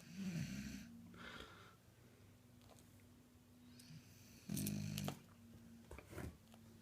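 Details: Sleeping beagle, buzzing, snorting snores with whistly tones and a steady low drone between breaths in a quiet room; dog snoring.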